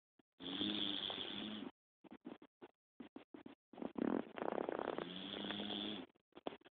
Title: My blue pit snoring sitting up FUNNY